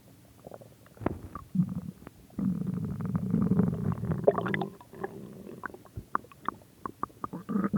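Irregular gurgling rumbles and squeaks from the belly, a longer growl in the middle; ordinary stomach growling from gut movement.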